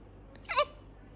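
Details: Newborn baby boy after breastfeeding gives a single brief, sharp voiced catch against quiet room noise: infant hiccup.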